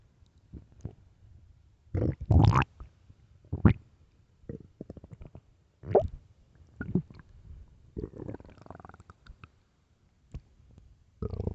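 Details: Late-night stomach growling: irregular low gurgles, squelches and rumbling runs over about ten seconds, normal borborygmi.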